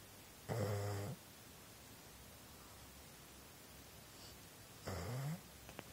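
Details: Sleeping dog: two low, buzzing snores about four seconds apart, roughly 14 breaths a minute; snoring.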